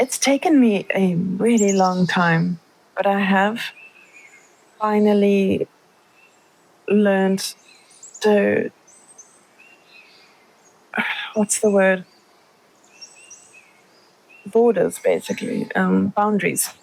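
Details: Word-finding difficulty (anomic aphasia) in a woman with multiple sclerosis who names aphasia as an MS symptom, attributes it to tiredness, and reports poor short-term memory since a relapse.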